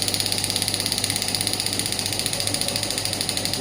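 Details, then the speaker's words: Biotronix pneumatic radial shockwave therapy device (shockwave plus ultrasound combination) fired at maximum intensity onto the operator's hand, then frequency decreased; fast, steady hammering taps with a hissing edge, several per second. "I'm getting the maximum intensity and I'm also getting shock on my hand. Now I'm decreasing the frequency."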